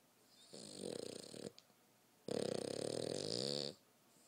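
Two long, rattling snores, each about a second or more, with a fluttering vibration through the breath and quiet between them. Snoring in a sleeping dog.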